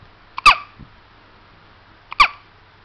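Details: Two-week-old baby hiccups: two sharp, brief, loud voiced catches about 1.7 seconds apart, each with a soft lead-in click.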